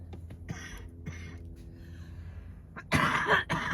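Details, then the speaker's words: After a quiet stretch with faint room hum, an adult who says they are cold gives two loud, harsh coughs in quick succession. "I'm so sorry about the coughing. When I hear these back, I'm like, my Lord."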